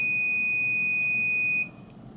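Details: Steady high-pitched electronic tone that stops abruptly, from a temporary pacemaker during a training demonstration of its modes (DDD, DOO), sounding while the lead is not connected; lead disconnection alarm.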